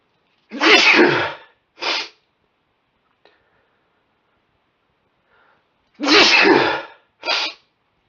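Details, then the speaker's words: An adult with an itchy nose from warm, sunny weather gives early-season allergy sneezes: two pairs of loud, wet, explosive sneezes, each a big burst then a shorter one, with quiet between. Allergic sneezing. "how God my nose had been itching something terrible and the sneezes just wouldn't come so I'm gonna I'm gonna coke them out now feel so good to get them out these are wet too"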